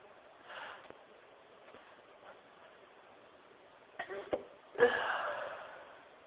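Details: Quiet sniffs and a catch of breath, then one sharp nasal burst, during a sneezing fit at work; sneezing.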